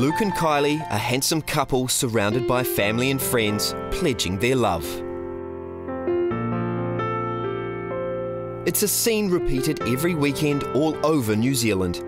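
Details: Adult male narrator; Normal speech.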